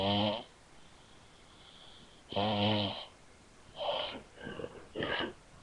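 Loud, rough snoring breaths repeat in slow cycles, with quieter breathing between them.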